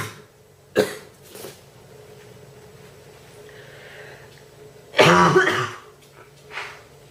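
Two coughs, a short sharp one and a louder throaty one, with a soft throat-clearing sound, in a quiet room.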